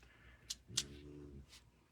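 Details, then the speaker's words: A single low, buzzing snore from a small French Bulldog sleeping under a craft station, with faint clicks from the room; snoring. "Can you hear my dog snoring? I have two little Frenchies."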